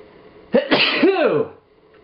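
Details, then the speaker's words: A quick intake of breath, then one loud explosive sneeze with a falling voiced tail, deliberately triggered by twisting toilet paper to a fine point and putting it in the nose: a single induced sneeze. "oh man that was intense and you can do it on the other side now let's see goes in slow [Music] [Music] motion so that's how you make yourself sneeze"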